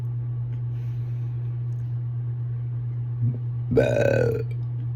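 Over a steady low hum, a brief catch is followed by a drawn-out voiced belch lasting under a second; a burp.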